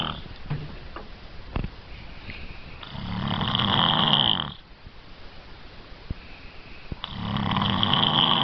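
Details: Adult man snoring while asleep: two long, rough, rattling inspiratory snores about four seconds apart with quiet breathing between, ordinary loud snoring.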